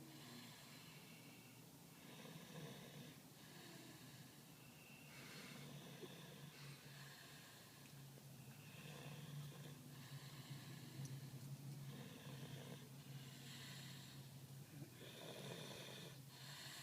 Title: Snoring in the car